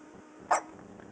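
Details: Small dog hiccuping after a bath: a single brief, sharp hiccup-like catch in a quiet room; hiccup.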